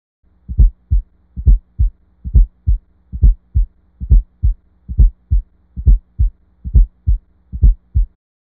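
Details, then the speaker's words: Simulated fourth heart sound (S4 gallop), about 68 beats per minute: a soft extra sound in late diastole just before each S1, giving a "Tennessee" rhythm. "the S4 heart sound occurs just before S1 in late diastole the word Tennessee is often used to help describe the Rhythm produced by the added fourth heart sound let's add in the heart sound so you can better understand it"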